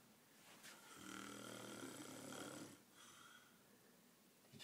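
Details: A person snoring loudly during sleep, as they reportedly do every night: a long, rough, fluttering breath sound followed by a softer, wheezy one.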